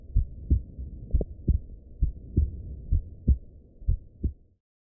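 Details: Normal heart sounds recorded with a hummingdoc flip stethoscope adapter for EarPods on an iPhone 6: steady paired lub-dub thumps about 65 per minute, regular rhythm, no extra sounds.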